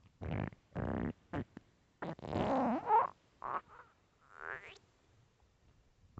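Loud gurgling and rumbling bursts with squeaky rising tones, irregular over six seconds: ordinary stomach growling from gas and fluid moving through the gut.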